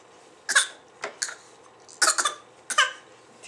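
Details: Infant's playful pretend cough, a newly learned trick: several short, light, breathy voluntary coughs, not illness.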